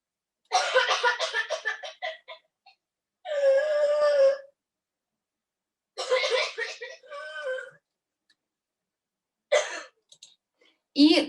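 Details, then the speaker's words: A child's rapid run of coughs ends in a long, high, crowing in-breath, then repeats: a paroxysmal cough with difficult, stridorous inspiration of laryngospasm type. "влажный кашель кашель затрудненным вдоль вдохе по типу ларингоспазм а и"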